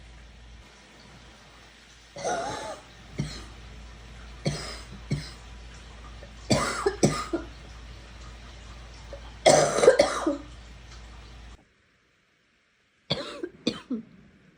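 Repeated bouts of raspy, hoarse coughing, some wet and some faintly barking, about seven bursts in short clusters.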